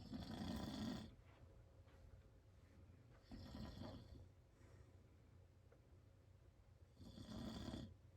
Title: My dad snoring really loud